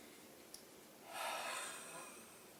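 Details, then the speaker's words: Huff (forced expiration technique) during chest physiotherapy breathing exercises for phlegm clearance, done after several minutes of deep breathing: a big breath in with shoulders down, then one forceful, open-mouthed, roughly one-second breath out. "so it's a big breath in keeping the shoulders down and then wide open mouth and a fast breath out so when you're ready try a huff for me"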